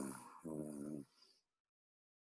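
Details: Imitated nasal snoring, made with the mouth closed, demonstrated during Buteyko breathing training contrasting it with open-mouth snoring.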